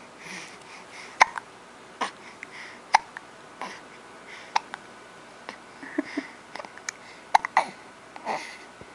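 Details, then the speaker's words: Person hiccuping during the day: sharp, abrupt gulping catches roughly every second, about eight in nine seconds, against quiet room noise. "has hiccups. It's not so bad."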